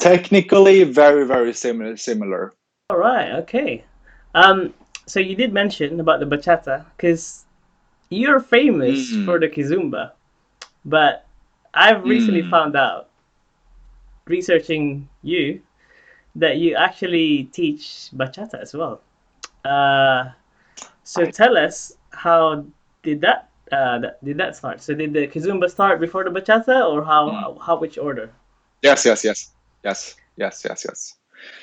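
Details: Adult man speaking, with a second adult briefly; normal speech.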